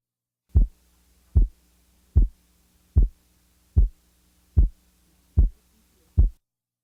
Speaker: the following example represents a second sound splitting interval of 25 milliseconds